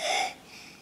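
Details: Child with croup: a single harsh, high-pitched, whistling breath, the stridor of croup.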